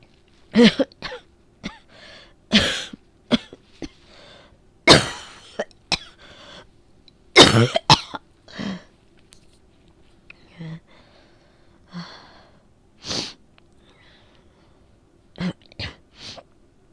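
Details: Cold that began with a sore throat, now with lots of phlegm: about a dozen repeated harsh coughs and throat clearing, some loose and wet, a productive cough.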